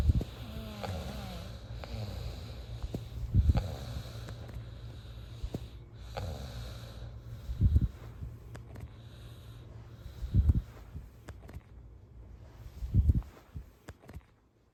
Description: Snoring sounds for sleep, uncopyrighted, free to use, made by me (recorded in my sleep)